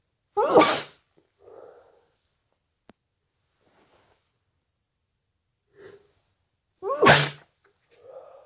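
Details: Two forceful sneezes, each followed by a short sniff, with a stuffy head cold; sneeze.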